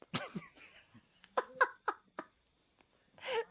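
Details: Cough.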